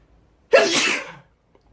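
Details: One sharp, explosive sneeze with a brief intake before it, in a quiet room; sneezing.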